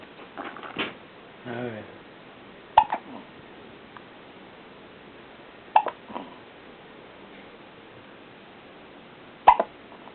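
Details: Three sharp, abrupt hiccup sounds several seconds apart, quiet room with a little faint talk: ordinary hiccups.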